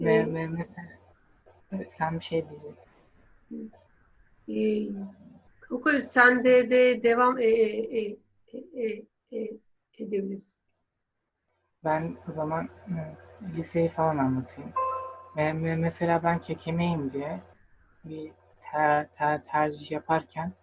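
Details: 23-year-old man with stuttering that began in early childhood, who has attended stuttering therapy courses; stuttering.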